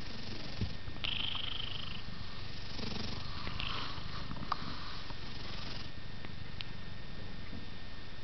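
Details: A cat purring steadily, with a faint high-pitched whistling wheeze mixed in.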